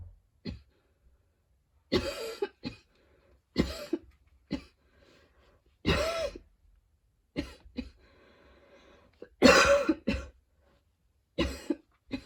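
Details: Prolonged fit of about eleven harsh coughs in clusters with whistling, wheezy breaths drawn in between, after a run, exposure to freshly cut grass (allergies) and fatigue: coughing fit with wheeze.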